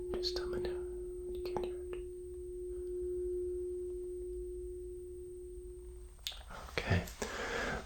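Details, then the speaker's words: Tuning fork placed on the mastoid bone of the other ear for bone conduction during a roleplay Rinne test of cranial nerve VIII: a ringing tone that fades while the listener reports when it stops. "now we're going to do the other ear going to place it on the bone just let me know when you can't hear it"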